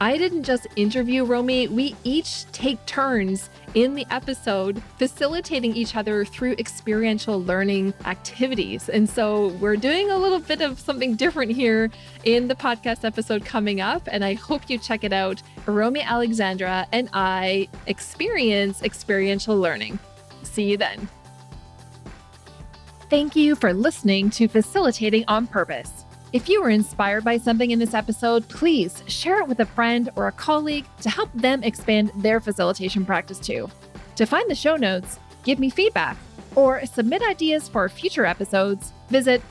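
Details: Adult woman speaking; normal fluent speech.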